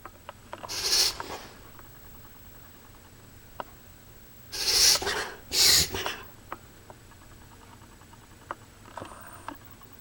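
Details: Reverse sneezing in a female pet: a few sharp, airy snorting bursts drawn in through the nose. The owner says episodes are usually more intense, in roughly 30-second bouts over about ten minutes.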